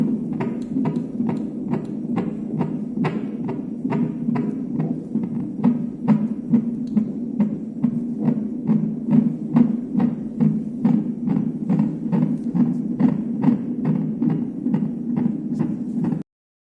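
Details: Rapid, regular whooshing fetal heart tones at about 140 per minute over a steady hum, recorded by Doppler during a hospital non-stress test on an NST machine, a normal rate.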